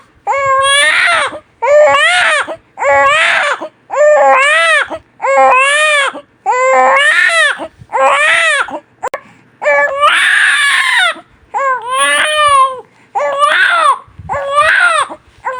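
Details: Newborn baby crying hard: loud, rhythmic cry of about twelve wails of a second or so each, separated by short breaths; strong, clear-voiced crying.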